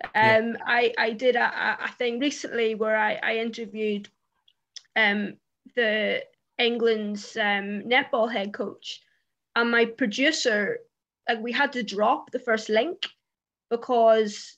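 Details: Adult woman, a journalist who stammers, saying it comes out particularly when interviewing on camera; stuttering (stammering).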